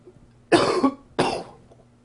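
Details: Cough.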